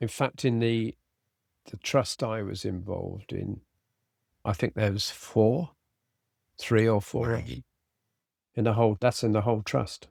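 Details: Adult man with aphasia following a sudden stroke, treated with speech and language therapy; residual word-finding difficulty, cannot read a script, fatigues as the day wears on.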